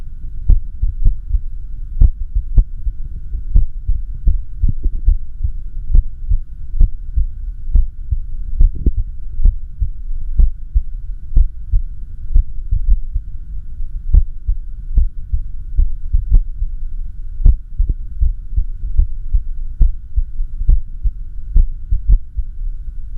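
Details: Self-recorded echocardiogram of the recorder's own heart: ultrasound heart sounds with beats at uneven intervals, about 65–70 a minute, an irregular heartbeat (arrhythmia).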